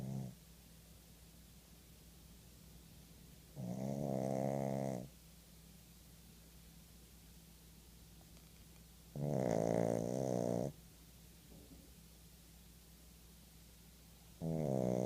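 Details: Tired pug snoring in sleep: loud, buzzing snores about every five seconds, roughly 12 a minute, over steady room hum.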